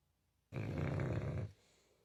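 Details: Sleeping dog: a single deep, rumbling breath about a second long, described as loud enough to wake the house; dog snoring.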